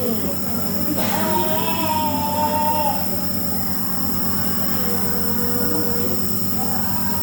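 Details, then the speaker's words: Steady, rapidly pulsing mechanical hum of a nebulizer compressor during an inhalation treatment for someone with cough and runny nose, with faint voice or music over it. "sayang eh ini Non lagi diuap ini batuk piluk sini ya"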